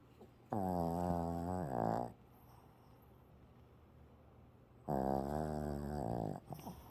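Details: Freddy, a male pet, apparently a dog, asleep and possibly dreaming: two long, loud, droning snores with a whiny voiced tone, separated by a quiet pause.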